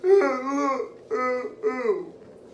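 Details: Dysarthric speech in a transgender woman, transitioning from male to female, with cerebral palsy present since birth that affects her walking, talking and movement. Others struggle to understand her speech.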